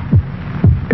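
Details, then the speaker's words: Two deep thumping lub-dub beats presented as a human heart beating 72 times a minute in a vintage television commercial. "will beat 72 times in this minute. Every beat can be a painful throb if you have a headache."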